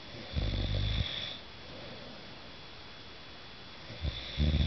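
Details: Snoring during sleep: two low, rough, rattling snores separated by a quiet pause, with faint room hiss.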